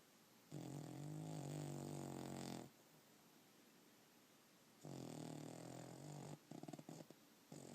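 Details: Long, loud, vibrating snores on the in-breath, two in eight seconds, followed by short snuffles, from Angel, a sleeping Puggle dog that snores like a human: snoring.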